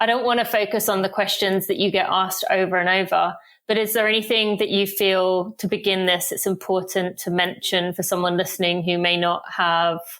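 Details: Adult woman; typical speech.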